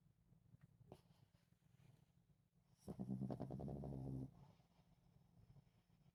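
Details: Small Chihuahua napping after a busy day of chasing squirrels and playing, in a quiet room, gives one low, fluttering snore lasting about a second and a half; small-dog snoring.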